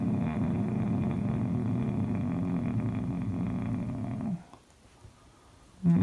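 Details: Adult man's sleep recorded by his wife: long, low, droning groans during sleep, each stopping after about four seconds before another begins, typical of his rare sleep disorder, catathrenia (sleep groaning).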